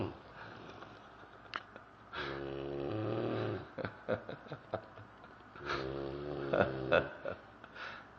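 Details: Two drawn-out rumbling snores on breaths in, with snorts and sniffing noises between them: snoring.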